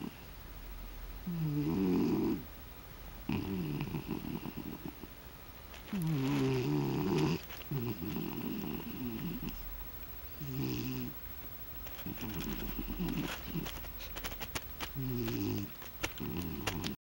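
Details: Snoring: repeated rough, rumbling breaths in an irregular rhythm, some with a purring quality, over faint room noise.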